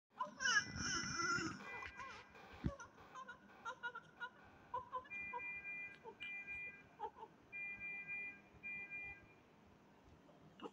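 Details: Newborn just after birth with extra fingers, different feet and other anomalies; short, high-pitched cry followed by repeated electronic beeps and room noise.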